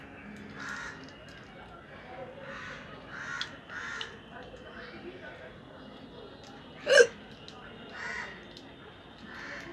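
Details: Real hiccups recorded without drinking water: repeated short, abrupt vocal hics at irregular intervals, one notably sharp and loud.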